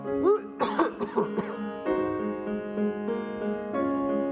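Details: Repeated coughing from an audience member during a live piano recital, with music in the background: cough.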